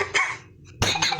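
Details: Adult cough: two short, harsh cough bursts separated by a brief pause.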